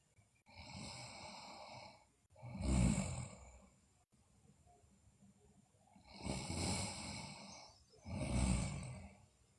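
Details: Sleeping girl snoring, with rough, rattling snores on both inhalation and exhalation, about four noisy breaths in ten seconds; recording also features bruxism and delirious sleep talk.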